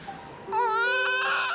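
Brief high-pitched wail from a day-old baby with a clear, strong voice; a normal newborn cry.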